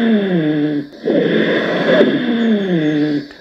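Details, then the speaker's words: Rhonchi on chest auscultation teaching: low-pitched musical, whistling breath sounds with noisy airflow between them, from airway narrowing or obstruction, typically heard on expiration. "الرونكي يا جماعه ده عباره عن ميوزيكال ساوند انك بتحس صوت صفاره كده موجوده"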